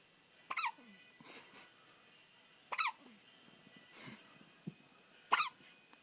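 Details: 12-day-old baby with repeated hiccups, three sharp abrupt hiccup sounds about 2.5 seconds apart with soft breaths between; hiccups.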